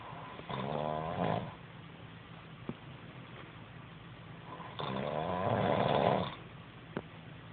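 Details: Man who denies snoring, recorded asleep: two long, rattling, buzzing snore breaths separated by quiet pauses; ordinary snoring.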